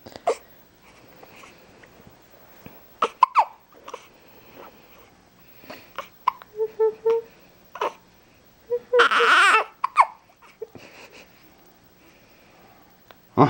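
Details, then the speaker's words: Male infant, said to be hungry, with hiccups: short, sharp hiccup sounds at irregular intervals, with babbling and fussing between them and adults talking in the background. "hiccups see i don't know why i had the hiccups"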